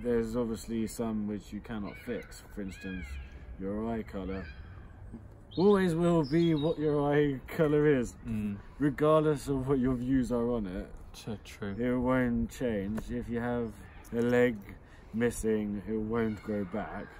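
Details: Adult who stutters (self-described stammerer) speaking on a podcast about stuttering and speech techniques, including speaking with control; stuttering.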